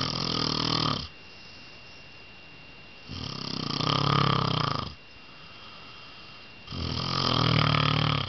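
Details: Loud, rough, rattling snores on each breath, about two seconds each with quiet gaps, roughly three over eight seconds; steady snoring of a father.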